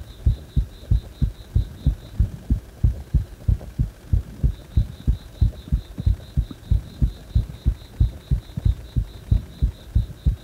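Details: A heart that stays fast even after release from compression: a regular heartbeat around 90 beats a minute with a faint high repeating background tone; rapid heartbeat.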